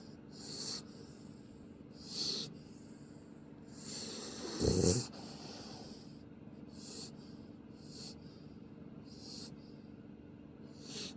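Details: Light breathy snuffles and one louder snort over a steady background hum from a sleeping pit bull puppy; soft snoring.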